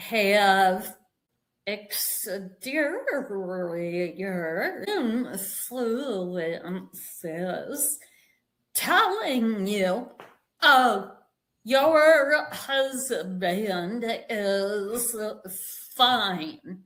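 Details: Vocal tremor in a woman; it is said to have developed after decades of narcissistic abuse and trauma beginning at age five, and she describes it as physically manifesting in her body and nervous system.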